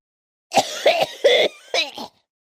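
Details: A short run of about four rough, throaty cough bursts, close to throat clearing.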